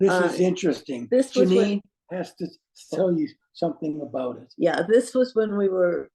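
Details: Adult man with aphasia resulting from a stroke; non-fluent speech with difficulty choosing words instantly and finding how to say what he wants.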